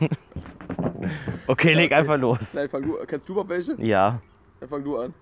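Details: Adults talking; No disorder.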